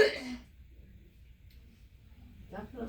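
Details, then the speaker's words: Patient with a Medtronic ICD, at an ICD interrogation, demonstrates a persistent cough that worsens at night and feels like the airway won't open: one short, harsh cough burst, then quiet and a brief second voiced burst. "hear that cough. That's the one I've been dealing with. It gets worse at night, especially when I'm trying to sleep."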